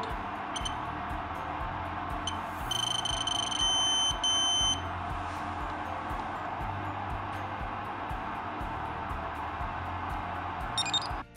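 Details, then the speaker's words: Handheld pachymeter probe aligned on a patient's cornea measuring corneal thickness: brief, high, continuous electronic beeps for each measurement, then two long beeps when all measurements are complete; background music. "when the probe is properly aligned with the patient's cornea the bakhoum manner will take measurements and you'll hear continuous short leaves which indicate that each measurement has been taken followed by two long beeps which indicate that all measurements have been taken successful"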